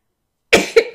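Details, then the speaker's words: An adult woman, warning she is about to sneeze while speaking: after silence, a sudden explosive burst with a quick second burst and fading tail; a single sneeze. "Apologies again for the sneeze."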